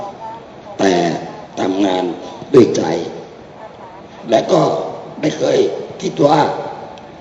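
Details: Adult man whose larynx was removed, living 30 years with cancer, speaking without a larynx at an event; finding: alaryngeal speech after laryngectomy.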